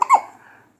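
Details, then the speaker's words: A single short, abrupt voiced catch of breath; a hiccup from a young nephew. "somebody got the hiccups it's neffie"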